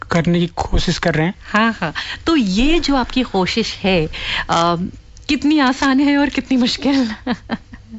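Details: Adult woman, radio host; typical speech.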